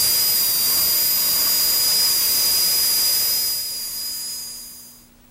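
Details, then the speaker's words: High-speed dental handpiece reducing about 0.5 mm of lingual enamel on maxillary right central incisor and cuspid for a 3-unit anterior bridge preparation: steady high-pitched whine with airy hiss, fading out. "we've reduced the lingual surface end of the central incisor and the cuspid about a half a millimeter of enamel has been taken off"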